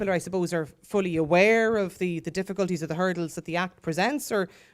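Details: Adult speaker; no speech disorder.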